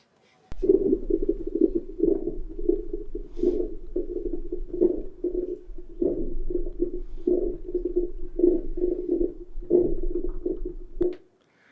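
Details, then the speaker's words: Coarse, low bubbling and rumbling sounds running continuously through breathing, from excess stagnant mucus moving with airflow in chronic bronchitis: rhonchi. "So this mucus stagnates and and moves with with the airflow giving these big bubbles."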